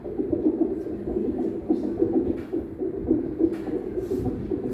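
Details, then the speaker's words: Fetal heartbeat picked up by a CTG transducer during a demonstration of CTG placement: rapid, regular whooshing pulses at roughly 150 per minute, within the stated normal 110–160 bpm range. "terdengar suara denyut jantung bayinya ya. Itu yang tadi normalnya adalah 110 sampai 160 kali per menit."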